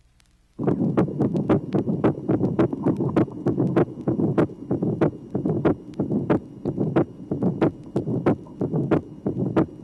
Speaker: tracing number six split first and second sounds in a patient with a right bundle branch block the tricuspid and pulmonary valves close last there is also a mid systolic ejection murmur which ends long before the second sound